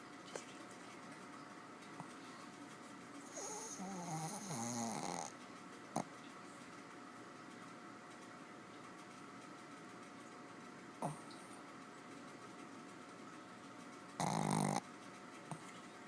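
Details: Dog in deep sleep, not woken by two attempts: two rough, snorting breaths a few seconds apart against steady room hum, with faint clicks between; heavy snoring.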